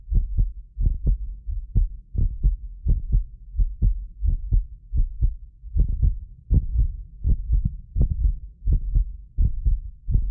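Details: Heartbeat of a self-described medically fit person, recorded with several precision contact microphones for ASMR: steady low thumps at about 85 a minute, occasional doubled click from a ~6 ms delay between microphones; normal heart sounds.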